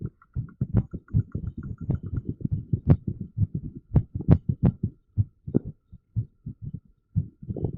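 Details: Irregular heartbeat: unevenly spaced beats running in quick clusters and then pausing, an irregular heart rhythm.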